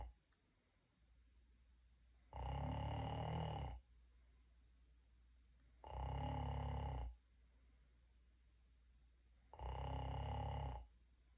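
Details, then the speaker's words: Laotian person, recorded by their mother, who says they are only making the sound, so the snoring may be imitated: three loud, rattling inspiratory snores roughly every three to four seconds with quiet pauses. "This is how I snore as a Laotian. Asians usually snore like this."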